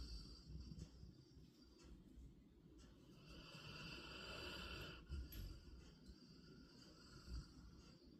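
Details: A sleeping Labrador snoring: low, rumbling breaths rising and falling with each breath over faint tonal background noise.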